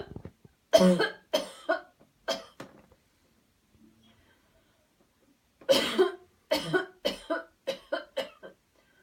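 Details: Demonstration of a cleansing-healing coughing technique: two deliberate bouts of forceful voluntary coughs, four then six, separated by a pause, after guided deep breathing cycles; repeated coughing to clear the airway.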